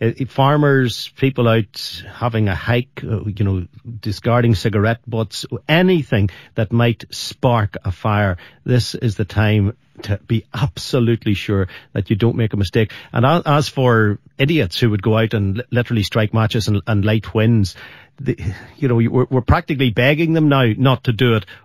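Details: Adult male speaker; ordinary speech.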